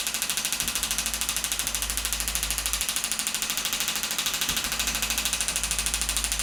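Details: Radial shockwave device treating hamstring tendinopathy at the hamstring origin over the ischial tuberosity with gel, 2,500 pulses at 12 Hz and 2 bar: rapid, very regular mechanical tapping with a low hum beneath.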